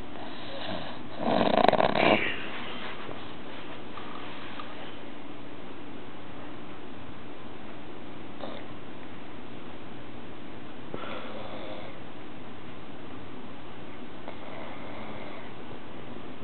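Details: Adult man's heavy snoring: one loud, harsh, rattling snore over steady background hiss, then quieter breathing.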